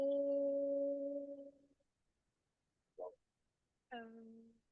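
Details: Normal phonation with pitch change, seen on laryngeal stroboscopy through the nose; the vocal folds lengthen as pitch rises and shorten as it falls, with the membranes vibrating.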